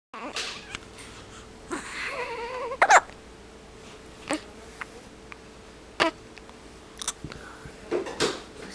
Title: Nov 30 Hiccups/Sadface